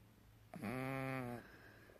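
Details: Snoring in a male pug dog, asleep but occasionally waking to check on his owner.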